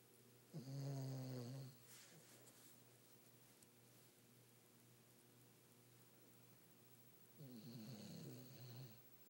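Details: Snoring from a dog reported to snore louder than he barks: two low, rattling snores about seven seconds apart, with quiet breathing between them in a still room.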